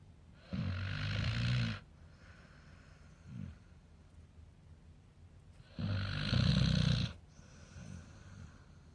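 Two loud, low, rattling snores about five seconds apart, each followed by a softer breath between them; ordinary snoring in a sleeping dog.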